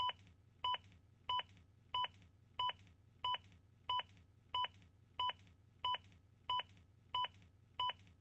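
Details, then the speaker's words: Zoll AED Plus Real CPR Help metronome: evenly spaced electronic beeps, about 95 a minute, over a low room hum. The device prompts the rescuer to continue CPR because compressions are too slow, and the beats pace them faster. "continue CPR not pushing fast enough the beats will speed you up"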